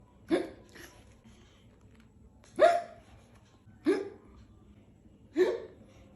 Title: ఎక్కిళ్ళు ( Hiccups) అసలు ఎందుకు వస్తాయి ? ఎలా తగ్గుతాయి?